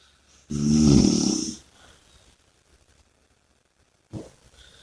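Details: One loud, rattling snore on the in-breath, followed by quiet breathing and a softer breath sound; snoring.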